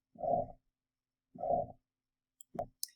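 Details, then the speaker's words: Holosystolic mitral regurgitation murmur: mitral valve fails to close, blood surges back into left atrium during systole; murmur starts at S1 and keeps the same intensity through systole, heard as two sustained, even-loudness whooshing sounds. "When the mitral valve does not close properly and blood surges back to the left atrium during systole, the murmur starts at S1 when the AV valves close and maintains the same intensity for the entire duration of systole."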